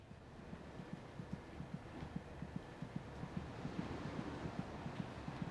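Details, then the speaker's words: Fetal heartbeat at 26 weeks' gestation: rapid, regular soft thumps at about 150 a minute over a steady whoosh, about twice the mother's rate; normal fetal heartbeat. "is she kicking it's quite loud the fetus's heart beats about twice as fast as her mother's"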